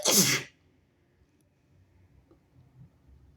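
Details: Sick nonbinary person: one loud, harsh, explosive sneeze followed by quiet room noise; sneeze.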